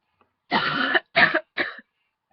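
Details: Three harsh coughs in a row, the last shorter and weaker, with a throat-clearing quality, set off by a big tickle in the throat; the coughing went on for a while.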